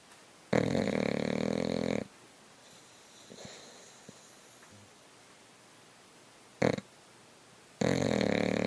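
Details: Sleeping English Bulldog snoring: rough, rasping snores, long noisy breaths in with quiet gaps between and a brief snort.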